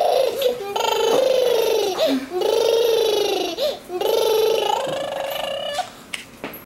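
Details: Long, loud wailing cries from a child broken by sharp indrawn breaths; crying.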